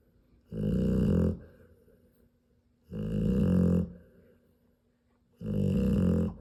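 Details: Sleeping female Rottweiler, nursing her newborn three-day-old puppies, snoring loudly like a freight train: loud rumbling snores about 24 a minute, each long inward snore followed by a quiet pause.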